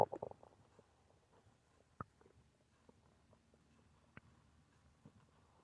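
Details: Soft gurgles and brief rumbling clicks from the belly; ordinary stomach growling from normal bowel activity.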